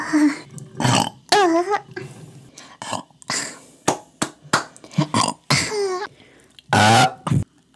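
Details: A woman's loud, drawn-out voiced belches between short pauses, from an ASMR burp compilation; repeated deliberate burping.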